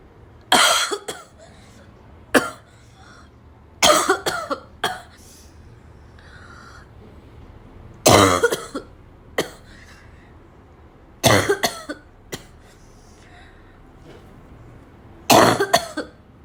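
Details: Five hard coughing bouts over about sixteen seconds, each a harsh burst followed by smaller coughs; forceful repeated barking-type cough.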